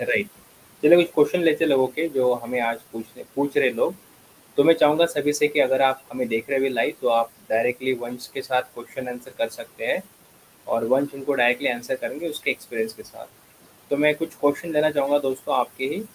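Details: Adult man speaking Hindi; Normal fluent speech.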